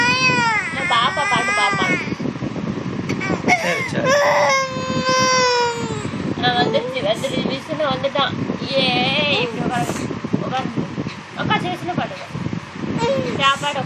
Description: Eating time child crying